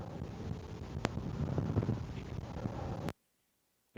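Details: Deep-learning-generated lung-sound sample modeled on ICBHI respiratory data: low, rough breath noise with a few brief sharp pops; crackles.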